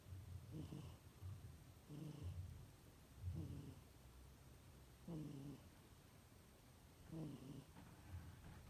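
Soft, low rumbling snores recur about every one to two seconds in a quiet room as a kitten sleeps.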